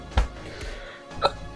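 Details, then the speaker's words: Two abrupt, short voiced hiccups about a second apart, with light background sound, after eating a lot; hiccups. "I have the hiccups right now cuz I ate a lot"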